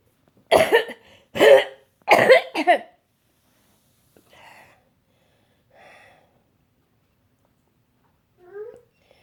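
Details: Four harsh, forceful coughs in quick succession, then faint breaths; a hard coughing fit in an adult with cystic fibrosis just home from hospital, still on antibiotics.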